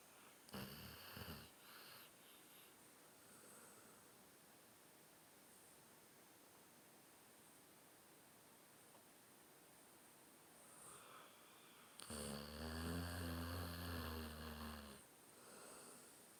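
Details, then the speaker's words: Loud, rumbling snores from a sleeping dog named Diesel, two long snores with a quiet stretch between them; loud enough to wake the owner from a sound sleep. "He woke me up from a sound sleep, you guys. That boy can snore, I'm telling you what."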